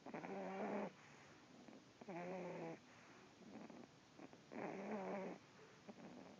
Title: Dog snore